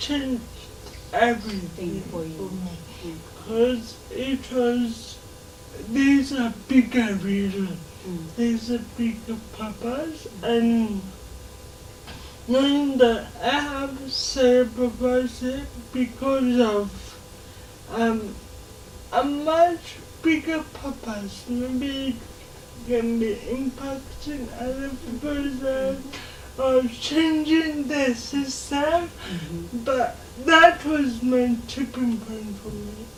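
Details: 27-year-old woman with lifelong cerebral palsy, dysarthria; she can speak but listeners are asked to give her more time.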